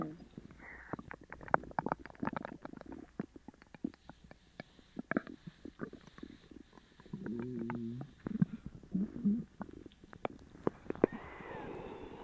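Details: Loud borborygmi of an upset stomach after eating sugar-free gummies: gurgling, popping and rumbling with a few longer groaning tones.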